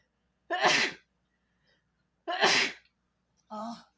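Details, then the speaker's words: Two sharp, explosive sneezes a couple of seconds apart, then a short voiced sound in a quiet room, from a person recovering from an illness with a lingering cough. "bless me excuse me guys sorry sorry sorry okay and to sneeze I don't even sneezing but like I said I've been having last night was the first time I woke up a couple times a little cough"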